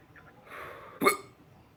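A single sharp, abrupt hic after a soft breath, with faint room noise; one hiccup.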